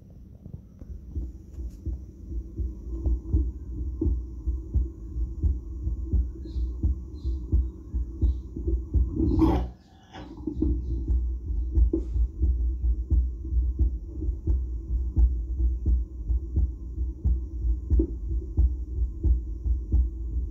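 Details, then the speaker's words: Adult's own heart recorded through a stethoscope with an audio recorder and played over a speaker: regular low thumping at about 87 beats a minute; normal heart sounds, no murmur. "when you play it over the speaker you can actually hear the heart sounds I would play them for you which I have recorded just today my heart tones in my lungs"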